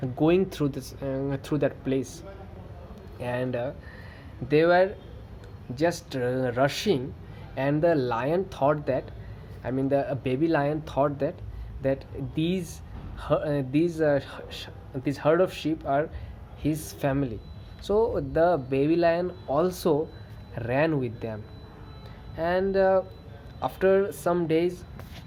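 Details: Adult man who stammers, with variable severity across good and bad days; stuttering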